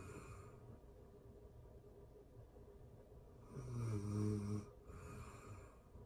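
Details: Real-time sleeping person snoring: quiet breathing, then one loud, low, buzzing snore on the in-breath, in a quiet room.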